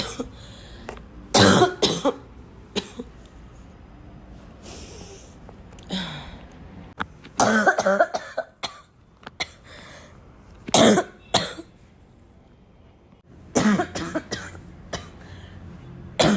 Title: I'm coughing a lot